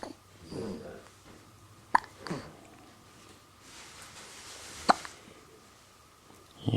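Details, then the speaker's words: A baby hiccuping: sharp, brief clicking catches about every three seconds over soft background. "you are absolutely gonna hate it when you have the hiccups and you have absolutely no idea you're completely oblivious to the fact that this is an annoyance to you"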